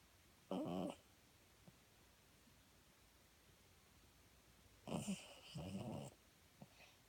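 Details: Irregular snoring with sleep apnea: a brief snore, a silent breathing pause of about four seconds, then two loud snorting snores.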